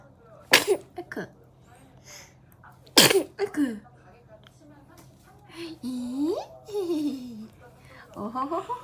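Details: Baby sneezes to end a fussy moment, almost crying, while parents talk and laugh; a sneeze.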